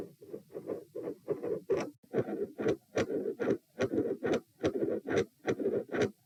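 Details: Heart sounds recorded supine at position P: steady heartbeat about 72 a minute, with soft whooshing filling the gap after the first sound: mid-systolic murmur.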